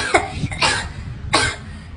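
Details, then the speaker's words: Child in an acted comedy skit coughs three short, sharp, dry-sounding coughs after being told not to buy ice cream because of a cough; light room noise. "ya beli es krim kan kamu batuk"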